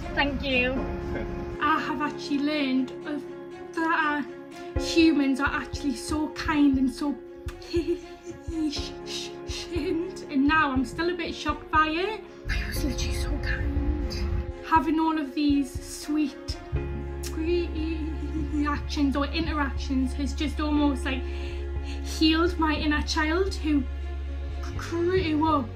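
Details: Stuttering (stammering) in a young woman who has stammered since age five.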